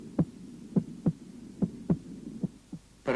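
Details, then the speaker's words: Normal heart sounds: first sound at the start of ventricular systole, with the second sound louder at the base of the heart. "в начале систолы желудочков первый тон 2 1 тон 2 в норме у основания сердца второй тон громче 1"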